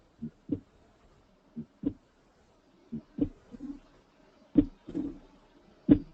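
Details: Slowed simulated heartbeat from a nursing education program: four regular lub-dub pairs at about 44 a minute, S1 clearly distinct from S2; normal heart sounds.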